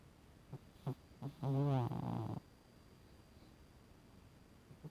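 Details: Sleeping cat snoring: a few soft breaths, then one drawn-out rattling snore on the in-breath followed by a buzzy out-breath.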